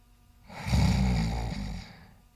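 One low, rumbling snore breath lasting over a second in a quiet room: a cat snoring.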